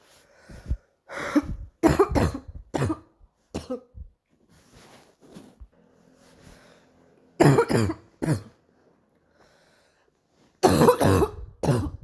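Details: Morning coughing: bouts of harsh, loud coughs, about eight in three clusters, with quiet breathing between.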